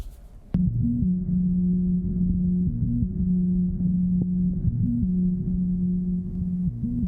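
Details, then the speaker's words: Continuous low, steady mechanical hum from a left ventricular assist device (LVAD), an implanted pump that moves blood for the heart, replacing normal heart sounds. "that sounds kind of cool and groovy but that's not a normal heart sound that is the sound of an lvad a left ventricular assist device these are tiny machines implanted wait for it inside the heart that literally pump blood for your heart"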